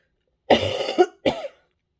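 Two short, voiced cough bursts in quick succession with no rattle or wet sound: a dry, non-productive cough during COVID-19 infection.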